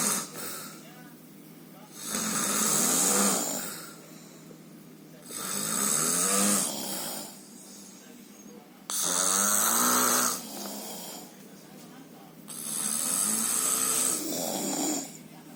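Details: Loud, rough snores on each breath in, about 17 a minute, with quieter breathing between them, from a sleeper snoring so heavily it is likened to a dinosaur.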